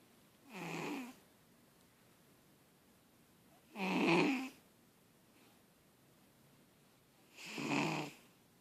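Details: Sleeping pet cat: three loud, rough snores, about 17 a minute, with quiet pauses between.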